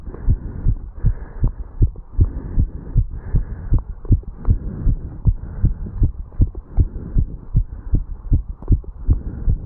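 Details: 35-year-old male just after jogging up stairs, heart recorded at the mitral valve area: strong, regular heartbeat about 150 a minute with whooshing background; fast heartbeat after exercise.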